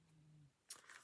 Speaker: Can you hear my dog snoring?